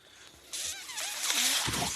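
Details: Speaker's own mechanical ventilator breath cycle, heard as the machine delivers a breath.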